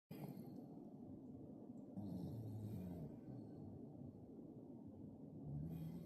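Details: Sleeping 18-month-old toddler lightly snoring: soft, low rumbling breaths with a faint fluttering tone in a quiet room.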